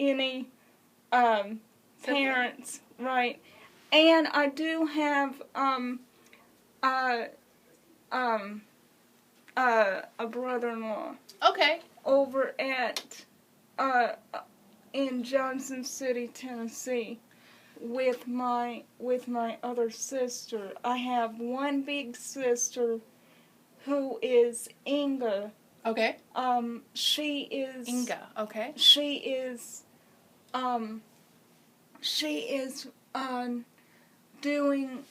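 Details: Adult woman with congenital cerebral palsy, wheelchair user since early childhood, speaking hesitantly with repeated words and fillers; dysarthria (cerebral palsy).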